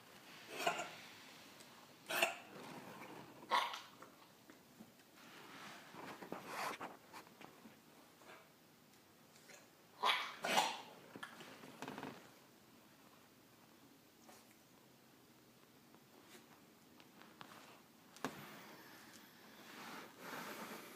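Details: A dog at the onset of kennel cough, recorded March 2015, gives short, harsh, honking coughs in bursts in a quiet room.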